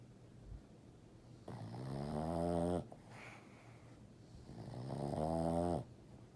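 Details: Boston Terrier snoring while asleep and dreaming: two loud, rumbling, buzzy inspiratory snores with quiet gaps between, about 20 a minute.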